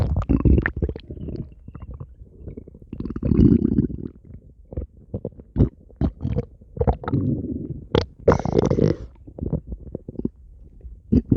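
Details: Stomach growling (borborygmi): loud, low gurgling and rumbling bursts with brief quiet gaps.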